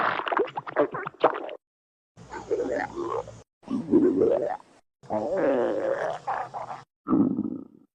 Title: Firey stomach growling